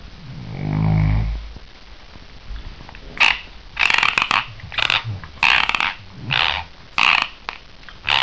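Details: An adult woman during sleep: a brief low snore gives way to repeated harsh, gritty grinding bursts from clenched teeth, worsening as it goes on; sleep bruxism.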